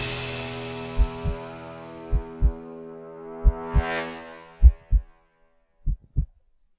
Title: EPIC-NEVER, Uplifting Epic Music Mix, HEARTBEAT SOUND